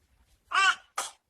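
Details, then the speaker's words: Adult man (a dad) sneezing loudly to make a baby giggle: two sneezes, a loud voiced burst then a shorter second one, in a quiet room. "I RATTLED THE WINDOWS. ACHOO!"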